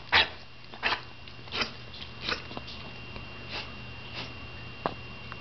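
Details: Cough in a person after swimming in the Patuxent River, Chesapeake Bay, Atlantic Ocean and Black Hills lake; coughing recorded July 9th.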